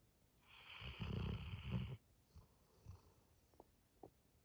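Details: Snoring in a sleeping Labrador Retriever: one long, loud rattling snore on the in-breath, then softer breath sounds and faint clicks.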